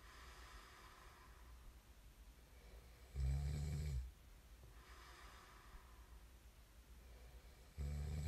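Two loud, low, rattling snores about four to five seconds apart, with quiet breathing between them, heard during sleep.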